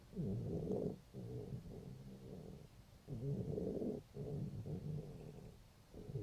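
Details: Cat 5 days after laryngeal tie-back surgery with a breathing problem: low, rough snoring-like stertorous breath sounds about 20 a minute, noisy upper airway breathing while being soothed.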